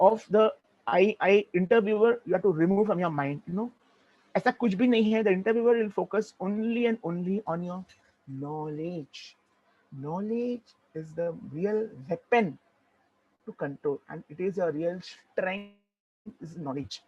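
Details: Adult male who identifies as a person who stammers, with sound repetitions in his speech; stuttering.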